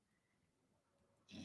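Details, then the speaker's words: Loud snoring from someone asleep in the background, heard behind talking. "hear snoring in the background she's snoring really loud"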